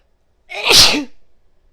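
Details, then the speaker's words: Adult female repeatedly sneezing in a fit: a single loud, forceful sneeze with a sharp hissy burst in a quiet room, amid many sneezes and exclamations. "Oh, I gotta sneeze again. Wow. Oh my god, I can't tell you how good this feels."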